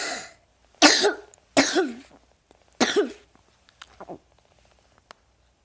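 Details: Person who also snores: three sharp coughs in quick succession followed by softer throat sounds in a quiet room; cough.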